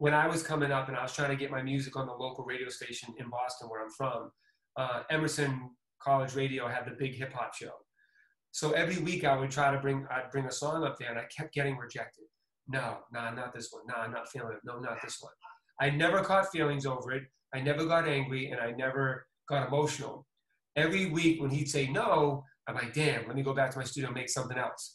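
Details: Adult man speaking; typical speech.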